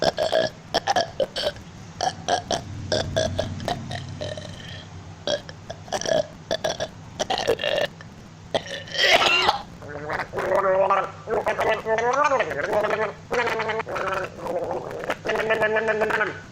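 Series of voluntary burps shaped into the tune of a familiar holiday song; deliberate belching used for a musical imitation.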